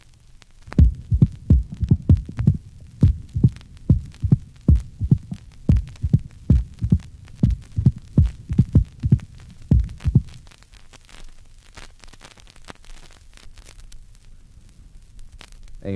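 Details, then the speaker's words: Mitral ball valve prosthesis: sharp clicking high-frequency sounds in repeating clusters, a prosthetic first sound, a normal second sound and a prosthetic opening snap as the ball valve opens. "listen to a patient with such a mitral prosthesis you will hear the prosthetic first sound a normal second sound and a prosthetic opening snap as the ball valve opens"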